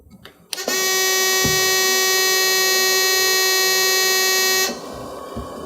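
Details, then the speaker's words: AirSep NewLife Intensity stationary oxygen concentrator just switched on with cannula connected: loud, steady high-pitched alarm for about four seconds then stops, the normal warm-up start-up alarm, with the oxygen monitoring light illuminated. "You'll notice that the unit's going to alarm, which is perfectly normal initially."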